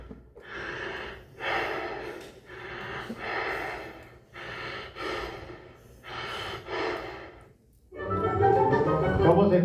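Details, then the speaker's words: Kussmaul respiration in metabolic acidosis, lowering blood carbon dioxide to compensate: deep, loud, fast breathing, like tachypnea but with longer airy waves. "a la taquipnea, pero difiere porque tiene ondas más largas y tiene sentido porque están en estados acidóticos este tipo de pacientes, y lo que están buscando es compensar la acidez al disminuir la concentración de dióxido de carbono en sangre."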